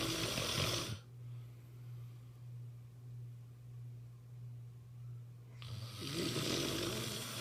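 Loud, rough snoring breaths with a quieter pause between them, over a steady low hum; typical snoring during sleep.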